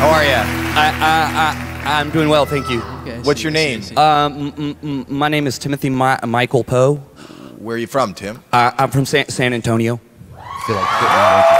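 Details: Adult man attributing his stutter to a grenade brain injury in Afghanistan, though reports later said that injury story was false; repeated words and syllables heard; stuttering.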